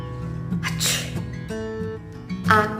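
A breathy 'achoo'-like burst over background music; an acted sneeze.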